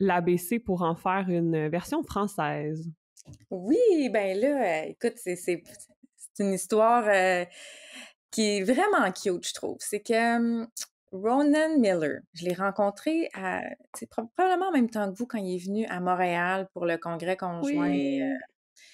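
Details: Stuttering in an adult woman who is a speech-language pathologist and a person who stutters, speaking French in conversation.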